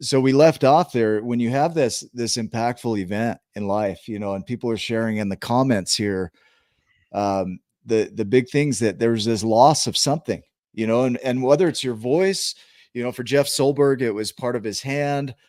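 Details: Adult male speaker; normal speech.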